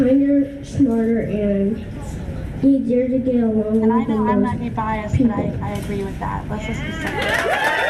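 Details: Stuttering in a girl, who describes it as holding a word for a few seconds or repeating a word a couple of times.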